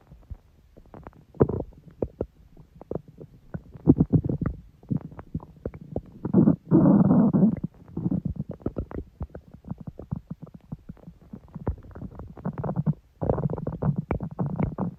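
Irregular gurgling and rumbling with bubbly pops and longer low growls; ordinary stomach growling from gas and fluid moving through the gut.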